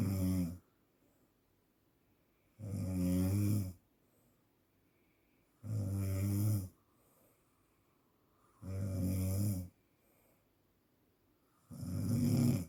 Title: THERAPI Untuk menghilangkan Sleep Apnea / Ngorok